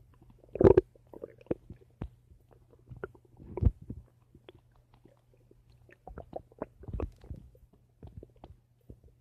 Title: My Stomach Making Noise